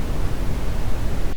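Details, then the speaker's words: Red noise tinnitus masker played in Oticon hearing aid software, which also offers white and pink noise. "ओटिकॉन में सफेद शोर, (स्थिर चमक) गुलाबी शोर, (स्थैतिक धुंधला) या लाल शोर भी होता है।"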